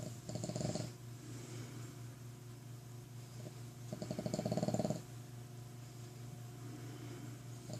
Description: Boston Terrier snores like a human. A loud human!